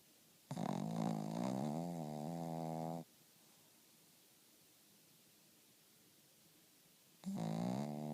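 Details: Dog named Kirby snoring in sleep: long, loud buzzing snores on the in-breath about seven seconds apart with quiet pauses between.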